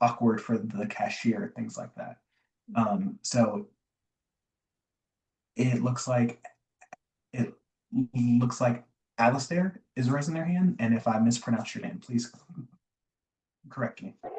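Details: Adult man, a self-described recovering covert stutterer who still stutters (real, not acted), with word and phrase repetitions and fillers; covert stuttering.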